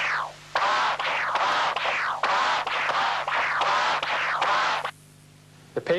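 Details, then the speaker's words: Continuous-wave Doppler of mitral regurgitation near the sewing ring gives loud, buzzing bursts about once a second with vibrations in the systolic envelope: an angry bee murmur from a torn prosthetic mitral cusp, later seen on transesophageal echo. "listen again to the angry bee murmur that is typical for a torn"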